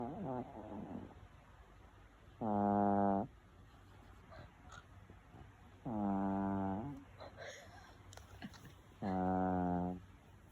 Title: Snoring Dog